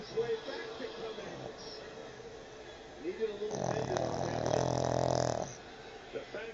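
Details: Pug napping, very tired, waking himself up with his snoring: loud, rattling, snorting breath with softer noisy breathing around it; sports broadcast in background.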